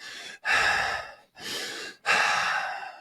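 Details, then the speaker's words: Deliberate imitation by a breathwork instructor of stressful hyperventilation: loud, fast high-chest breaths through the mouth with short gaps, focused on breathing in. "Now, let's say we're in a very stressful moment and we're hyperventilating. So you're breathing high in the chest and focusing on breathing in, while you actually should be focusing on breathing out."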